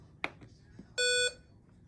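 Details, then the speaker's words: Hamilton T1 ICU-grade transport ventilator during an alarm-loudness setting check (adjustable 1 to 10): a soft click, then a brief steady electronic beep of the ventilator alarm test tone. "settings you can change the loudness of the alarm from one all the way up to ten"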